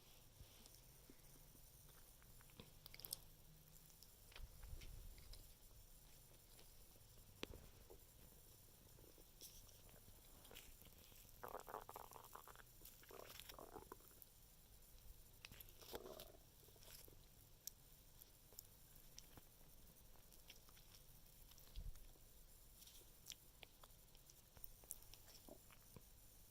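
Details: Quiet, low gurgling and squelching bowel sounds from an adult abdomen after eating carbs, lasting about two minutes.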